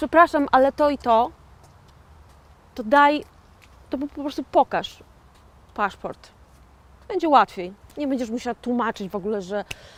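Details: 41-year-old woman with aphasia after a stroke in 2009, self-described stroke survivor and aphasian, who says she cannot say a word; aphasia.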